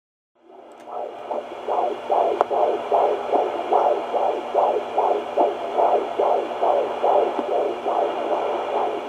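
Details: Fetal heartbeat at 25 weeks of pregnancy; rapid, regular whooshing beats at about 146 a minute over a steady hum.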